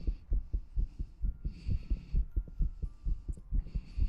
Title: Clicking tongue mouth sounds heartbeat sound and ear cleaning